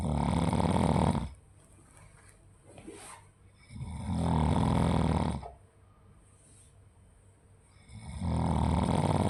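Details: Loud, rattling snores on each in-breath with quiet out-breaths between, about 14 breaths a minute; snoring.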